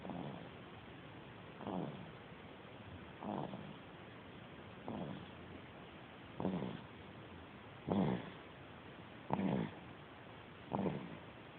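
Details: Sleeping cat snoring: soft, steady snores on each breath, about 8 in 12 seconds, roughly 40 a minute; ordinary snoring.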